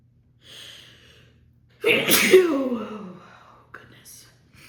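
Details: Woman in an uncontrollable sneezing fit after holding back sneezes during a phone call: a gasping inhalation, then one loud, harsh sneeze with a voiced trailing cry and a short sniff.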